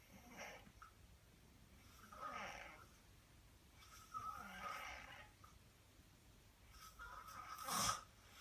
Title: How to snore 101